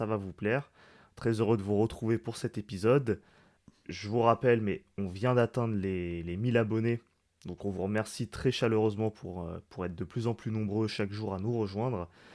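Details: Adult man speaking French; normal speech.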